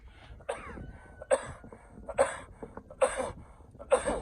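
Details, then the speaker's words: Five short, dry coughs in quick succession, about one per second, outdoors, from an adult man with a persistent nagging allergy cough since about March, not otherwise sick; he coughs continuously. "I haven't done a video because I just cough continuously almost wore me down"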